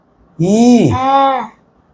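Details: Child sustaining 'ee' during examination after treatment for swollen vocal cords with a gap; the doctor says the gap has now closed. Normal sustained phonation after vocal fold swelling resolved.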